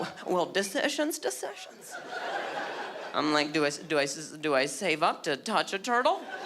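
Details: Acquired stuttering in an adult male, beginning at age 20 after a softball hit his throat, causing a minor vocal contusion and a major concussion later diagnosed as traumatic brain injury; word repetitions heard.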